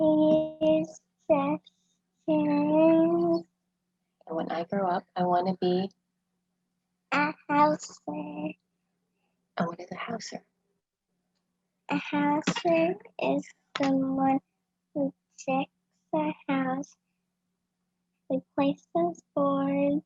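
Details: 9-year-old boy who clutters and describes cluttering as talking too fast; finding: cluttering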